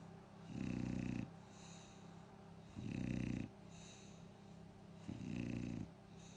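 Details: A sleeping female bulldog gives regular deep, rattling snores, three in about six seconds (roughly 28 breaths a minute), with softer breathing between; snoring.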